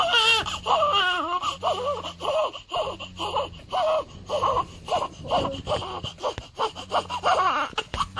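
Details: Repeated high, wavering cries in short bursts with catches of breath between them: a 7-day-old newborn crying in a small room during a weigh-in; infant cry.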